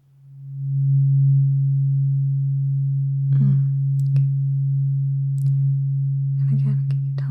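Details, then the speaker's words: Steady, pure low hum of a struck tuning fork held several seconds with faint soft noises, the second, higher fork in a roleplayed ASMR cranial nerve hearing test, simulated not real; tuning fork tone. "We're going to move on to introducing second tuning fork. It will sound like this. So, it is significantly higher than the last one."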